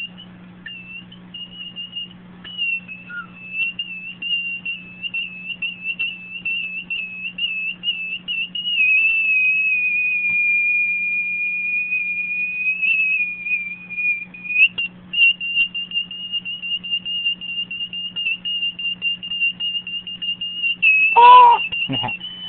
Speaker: And I I can put it in my ear and listen to it, but I rather just make it whistle.